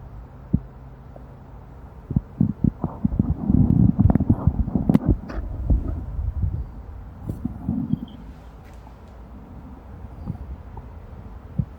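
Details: Amplified stomach rumbling (bowel sounds): low gurgles and irregular bubbling pops clustered mid-clip, fading to quiet hiss.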